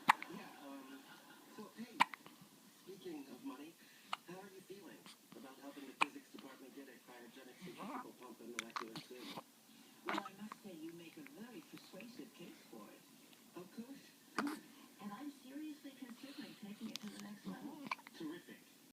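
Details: Repeated sharp, sudden hiccups recurring every few seconds over quiet talk and room noise.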